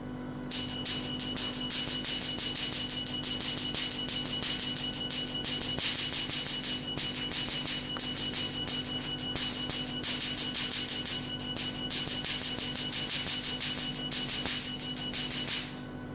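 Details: Rapid steady ticking pulses, about three per second, over a constant machine hum and thin tone from a Q-switched Nd:YAG machine's long-pulse hair-removal mode firing in demonstration; laser firing (hair removal).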